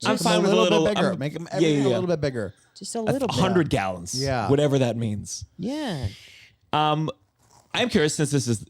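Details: Adult male speaker; typical speech.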